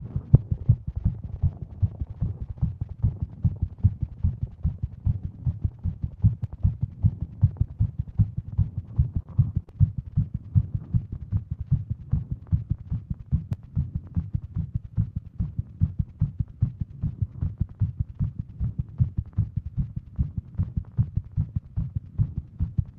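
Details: Female with WPW syndrome, sitting at desk; Apple Watch read heart rate over 150; rapid, steady low pounding thumps about 150/min; tachycardia.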